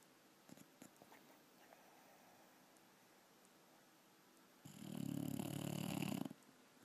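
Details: Quiet room, then a single rumbling, fluttering snore lasting about a second and a half; snoring, with lip movement noted.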